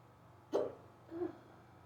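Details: Hiccups in someone who rarely gets them, starting suddenly on waking and lasting almost 20 minutes, very fast: two abrupt short gulping hiccups about 0.7 seconds apart, quiet room.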